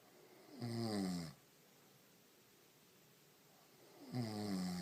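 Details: A sleeping woman with lips twitching gives two low, vibrating snores on breathing in, separated by quiet breathing out, against soft room hiss; snoring.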